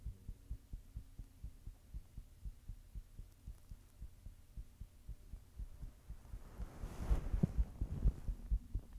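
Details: Person recording their own heartbeat while blushing: regular low thumps at roughly 64 beats a minute, with hum and rustling noise toward the end; a heartbeat.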